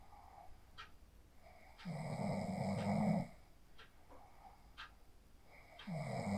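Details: Person asleep after practising the 4-7-8 breathing technique, recorded on a phone: loud, rough, rumbling snores on each in-breath roughly every four seconds, with quiet breathing between; snoring during sleep.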